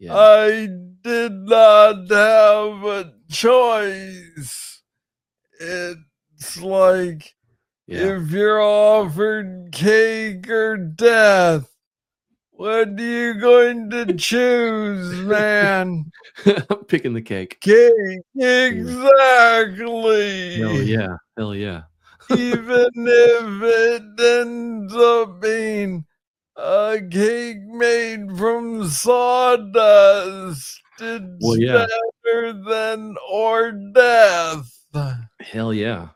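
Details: Adult man with Parkinson's disease, diagnosed in 2014 at about age 35 after it was first misread as tennis elbow; real conversational speech; slow speech (Parkinson's disease).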